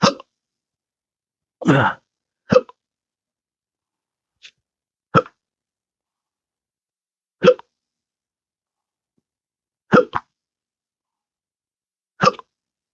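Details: Adult with intractable hiccups since December 2015 after surgery with nerve damage (pudendal nerve injection, phrenic and vagus nerves affected): about seven sharp, abrupt hiccups in thirteen seconds at irregular intervals, with silence between; persistent hiccups.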